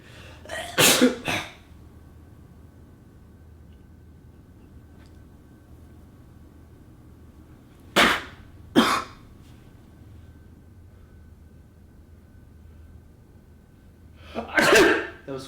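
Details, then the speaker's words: Three sharp, explosive sneeze bursts, deliberately faked, with a low steady room hum between them. "fake that was a fake sneeze God bless you"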